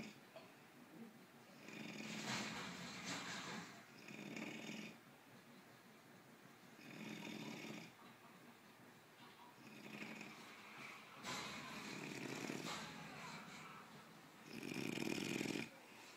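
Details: Person snoring while asleep on a recliner: rough, rattling snores recurring in a steady rhythm, each with a soft breath between, in a quiet room; ordinary snoring.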